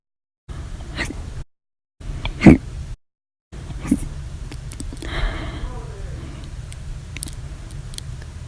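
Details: Violent, loud, silent and minute hiccups recorded 8/9/19, lasting 13 hours 20 minutes after breakfast, lunch and a cup of soda after dinner: brief abrupt gulping bursts, one much louder, separated by pauses over low room hum.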